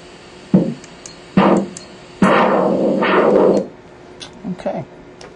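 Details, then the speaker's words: Repeated rising arterial whooshes with each pulse, about 70 a minute, from a Doppler over the arm artery with the palm up. It is used to measure systolic pressure during an ankle-brachial index study; normal flow signal. "and the sound that you hear is nothing more than the computer's version of the blood moving through that artery"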